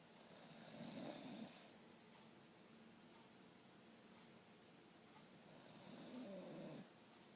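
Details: Sleeper really sawing logs: two rough, rumbling snores about five seconds apart, with quiet breathing between them; snoring.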